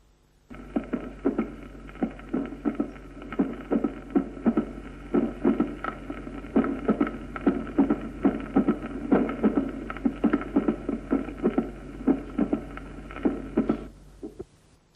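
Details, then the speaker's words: Mitral stenosis with atrial fibrillation, teaching recording: irregular, rapid heart sounds with a low-frequency diastolic rumble at the apex, heard best in left lateral decubitus. The murmur is shorter because atrial contraction is irregular. "Si hay fibrilación auricular la contracción auricular es irregular y la turbulencia a través de la mitral disminuye de ahí que el soplo es más corto"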